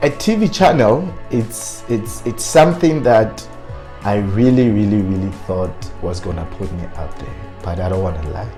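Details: Adult man with stuttering who self-coached to work on his fluency but still stutters on certain words; stuttering.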